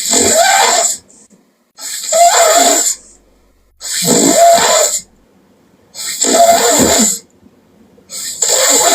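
Loud, harsh snoring noises about once every two seconds, around 30 a minute, with silent gaps between: heavy snoring during sleep.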